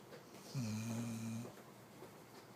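One loud, low, droning snore lasting about a second from a sleeping puppy, with quiet room noise around it; ordinary snoring.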